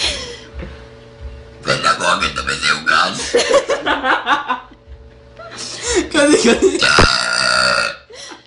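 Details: Burping by a tiny girl: two long, loud, rumbling burps with quieter voices and laughter between.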